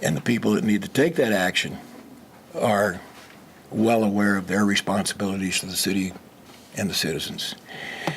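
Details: Adult man speaking; normal voice.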